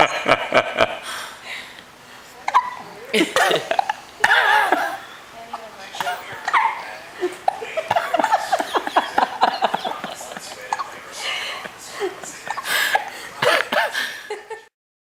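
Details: Repeated short, sharp hiccup bursts from two two-month-old infants hiccupping together, mixed with adult voices and laughter in the room; hiccups.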